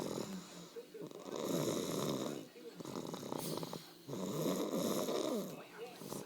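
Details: One-year-old sleeping on Christmas night: loud, rough, fluttering snores with every breath, about 20 a minute; heavy snoring.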